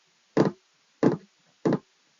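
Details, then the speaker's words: Imitated gallop rhythm: three short knocking beats in a triple cadence, representing an extra S3 or S4 heart sound added to S1 S2; S3 is described as blood entering the ventricle very quickly and hard. "S3 is a sound that takes place when you have uh blood entering into uh Into The ventricle very quickly and very hard right"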